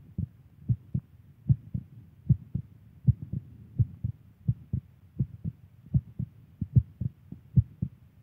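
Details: Adult woman's heartbeat: steady, paired lub-dub thumps at about 75 beats a minute, low and muffled, with faint background hiss; normal heartbeat.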